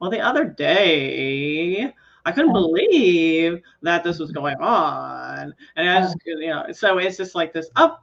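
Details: Woman imitating an acquaintance's glottal fry combined with uptalk, pitch rising and falling; acted, not a real disorder; vocal fry with uptalk (imitation).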